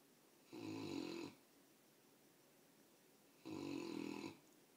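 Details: Sleeping Mastiff puppy snoring heavily: two slow, rattling snores a few seconds apart with quiet room noise between; ordinary snoring.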